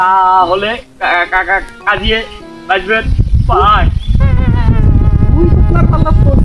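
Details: Acted stuttering in a Bengali comedy skit: a character portrayed as a stutterer repeats words while asking for directions.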